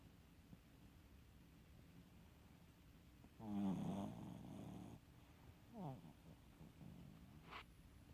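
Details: Sleeping dog gives a rumbling snore on one breath, then softer snuffling breaths in a quiet room; snoring.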